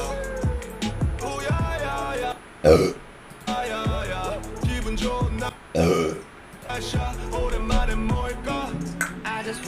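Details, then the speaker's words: Several loud, drawn-out burps from a streamer, over steady background music; burping. "그리고 트름 크게 한번. 트름 크게 도전."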